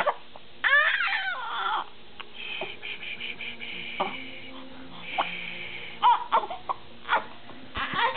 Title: Baby girl sneezing, farting, hiccupping & crying.MOV